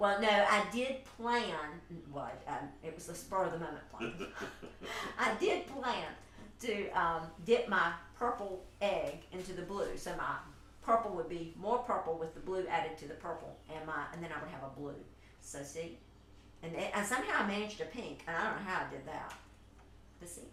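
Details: Adult woman speaking; plain speech.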